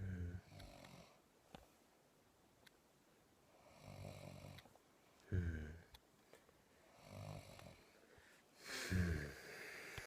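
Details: Person snoring after finally falling asleep around 4am: low, rattling snores on breathing in, about 17 a minute, somewhat irregular, with quiet gaps; snoring.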